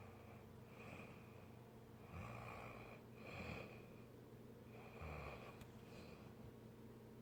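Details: Snoring: soft, repeated snoring breaths with a low rumble and a faint whistle over steady room hiss.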